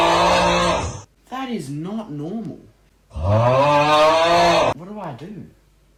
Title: When Dad Snores